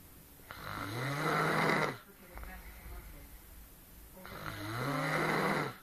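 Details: Adult woman (girlfriend) who claims she doesn't snore, asleep: two long, low, rattling snores on breathing in, with quiet breathing out between them; ordinary snoring.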